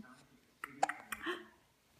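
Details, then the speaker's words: Hiccups with some burps in a six-week-old baby girl: soft, abrupt catches and a small burp-like sound in a quiet room. "hi hi yes i love that voice i love that voice it's so beautiful got the hiccups with some burps and those feet just go a million miles a minute"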